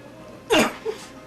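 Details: 22-year-old man with Tourette syndrome, with uncontrollable vocalizations and constant facial grimacing tics and head movements; vocal tic.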